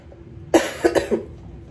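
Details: Short burst of three or four dry coughs in a quiet room from an adult who tested positive for COVID-19 on a home test and is in quarantine.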